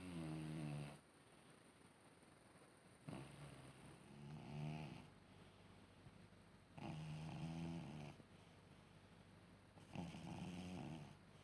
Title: My senior cat is snoring so loudly 😴💤